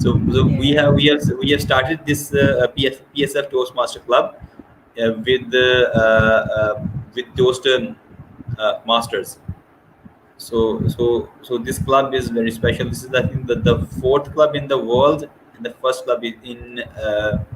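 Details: Male host who has stammered since childhood, stammering worse under pressure; clip has word repetitions and filled pauses; stuttering.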